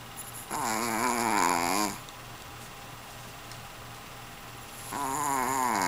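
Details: Very heavy snoring: two drawn-out, rattling snores separated by a quiet gap, over steady room hum.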